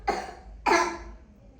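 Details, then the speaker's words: A young girl gives two sharp, harsh barking coughs, which the pediatrician calls a croup-type cough; croup recurs in spring, especially in children with allergies. "Bu inaq tipli öskürəkdir."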